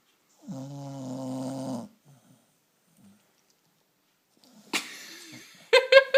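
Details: A sleeping female dog with her tongue sticking out gives a long, buzzing, tonal snore, then brief stirring sounds as she is woken; snoring.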